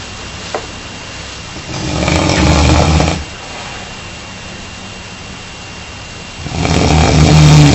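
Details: Adult man (husband) snoring during sleep, though he denies snoring; two long, deep, vibrating snores on in-breaths with a quiet stretch between, loud habitual snoring; added sound effects suspected.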